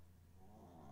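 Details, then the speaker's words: Chihuahua snoring in the background in a bedroom after 10 at night. "And this is going to be another one of those episodes where you can hear my chihuahua snoring in the background."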